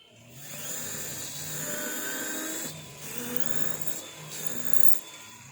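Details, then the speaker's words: Dental implant osteotomy with the fifth drill in a bone model, no water irrigation; high whining drill bursts with pitch dropping under load, part of a sequential drilling toward a 4.5 × 10 mm implant. "This is now fourth drill. Fourth drill is 3.5 by 10. For all practical purposes, I haven't used water irrigation on this model for dummy purpose. So this is fourth drill. Now I'll use fifth drill."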